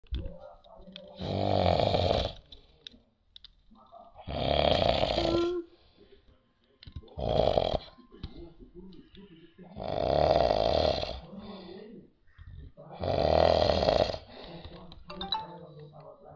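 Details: A sleeping father gives loud, rough, heavy snores about every three seconds, roughly 20 a minute, with quiet gaps between; snoring.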